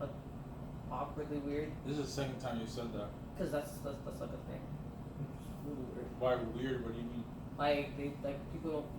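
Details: Adult male speaker; normal conversational speech.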